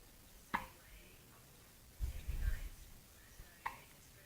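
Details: Cat Delphine hiccupping, two sharp brief clicks about three seconds apart in a quiet room with a soft rustle between.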